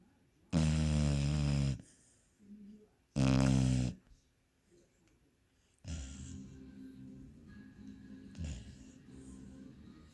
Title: Enjoying my snoring 🤪🤣